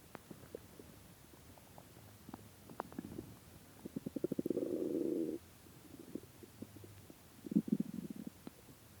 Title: my starving stomach Growling still have not eaten it's been 3 days and 4 hours no food so 76 hours